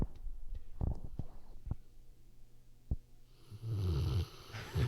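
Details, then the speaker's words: Muffled microphone-handling thumps, then a low, rumbling snore from a pet sleeping under a blanket with the microphone placed beside her; ordinary snoring. "can you hear Penny snoring I'm going to put the microphone over by her she's sleeping next to me"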